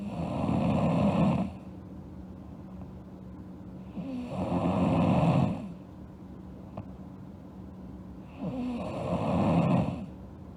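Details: Girl asleep, snoring: loud rattling snores on each in-breath, about 17 breaths a minute, over a steady background hum.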